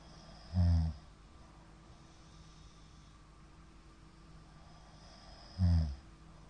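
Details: Middle-aged man's (ojisan) snoring during sleep: two deep, low rumbling snores five seconds apart with quiet breathing between; frequent shallow hypopneas suggest sleep apnea syndrome.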